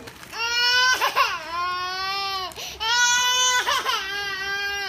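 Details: Young child crying for biscuits in long, high wails broken by short sobbing catches, about two bursts in five seconds; child crying.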